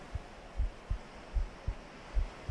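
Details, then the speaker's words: Heartbeat of an adult who says they are sick, heard through their shirt: soft, regular, low two-part thumps at about 75–80 beats a minute over a faint hum. "you should be able to hear my heartbeat have a good time in class okay yes I do have ocean waves I am calm but I am sick um so when you're sick I imagine your heartbeat goes a little faster cuz your body's wor"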